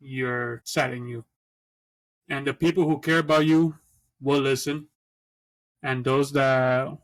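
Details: Adult who stutters, speaking conversationally as co-host of a podcast about living with stuttering; stuttering.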